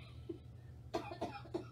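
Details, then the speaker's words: Adult after a second COVID-19 infection that went into her lungs, fully vaccinated and no longer contagious: a few short, harsh coughs sounding like a smoker's cough with tight lungs; persistent post-COVID cough. "so i sound like i have the worst smokers cough and tight lungs but i'm not contagious anymore"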